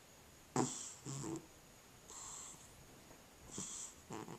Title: Cat Snoring